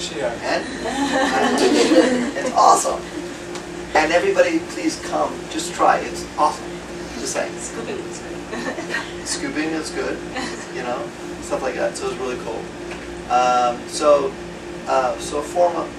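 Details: Male former paramedic with aphasia after a stroke; aphasia.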